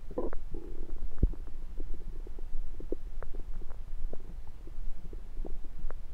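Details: Own abdomen recorded with a USB stethoscope on the belly: low gurgling and bubbling with irregular soft pops; ordinary stomach rumbling (borborygmi).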